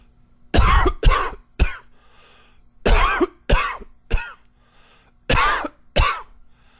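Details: Adult gives three short runs of harsh coughs, eight coughs in all, in a quiet room; cough.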